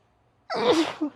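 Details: A female sneezing: a single sudden explosive burst of air after silence.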